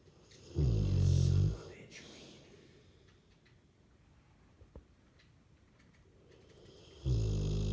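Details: French Mastiff (Dogue de Bordeaux) snoring while asleep: deep, rattling snores on breathing in, with quiet pauses of about five seconds between them; snoring.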